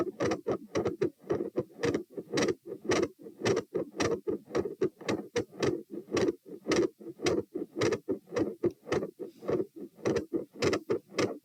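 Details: Recorded at position T while standing, 108–120 bpm: fast, loud, regular heartbeat near 110 a minute with a gradually changing murmur around the second sound and an intermittent machinery-like murmur.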